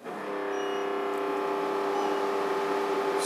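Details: German-made laser hair removal machine switched on after cooling gel applied to skin; settles into a steady, low, even hum with faint room noise.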